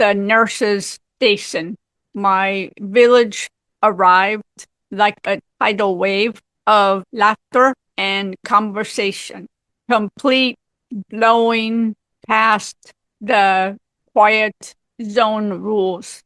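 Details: Woman with aphasia for 18 years after a severe stroke at age 44, also left with apraxia; aphasia.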